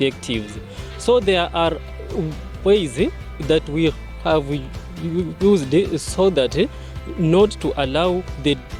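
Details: Man who identifies as a person who stammers, speaking at a stammering support group launch: stammering.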